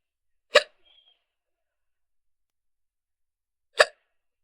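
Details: A girl with hiccups; two sharp, brief hiccups about three seconds apart in a quiet setting.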